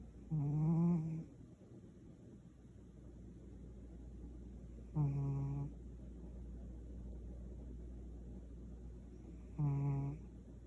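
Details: A sleeping Savannah cat snores in three tonal, buzzing bursts, about 13 breaths a minute, over a low steady hum.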